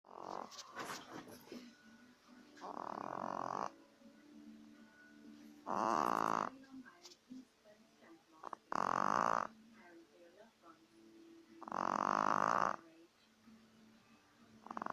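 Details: Bonnie at week 8 snoring: four drawn-out, buzzing snore sounds roughly three seconds apart over a quiet background; snoring.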